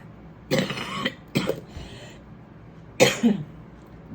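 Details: An unwell adult woman, apologising for coughing, gives three rough, throaty coughs with a brief throat-clearing quality over a little room noise.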